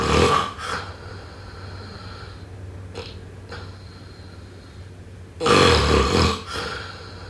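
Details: Snoring during sleep.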